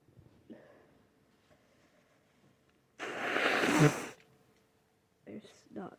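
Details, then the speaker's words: Person sick with a snotty, very itchy nose and sneezing repeatedly: one loud, explosive sneeze after a quiet pause, with brief sniffing before and after, in a small room. "My nose is so itchy. So itchy right now. I'm gonna sneeze again. Damn it. Oh, I'm making a mess."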